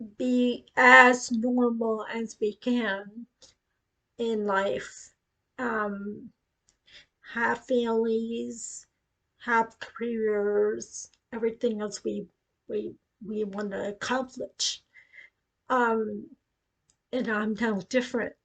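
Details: Ataxic dysarthria in an adult woman with acquired cerebellar ataxia following a brain tumor at age 18, now progressing; she reports that her speech is affected.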